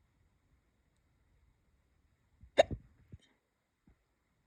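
A single sharp hiccup with a short trailing sound in a quiet room.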